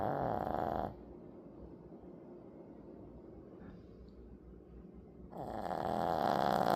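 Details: Dog snoring: two loud, rough, rattling breath sounds separated by a few seconds of near silence.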